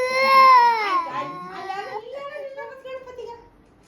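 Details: Young child crying because the Ganapati idol has been taken away, while being consoled that he will return next year: a wailing cry falling into sobbing whimpers; upset crying.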